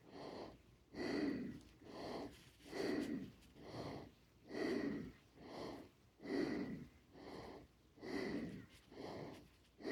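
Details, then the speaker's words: Fast, labored, noisy breaths at about 34 a minute with a wheezy edge after a simple walk in the backyard, in a person whose cancer affects the lungs; wheezing and breathlessness on exertion. "you can hear me wheezing pretty bad in the videos I was just struggling to catch my breath"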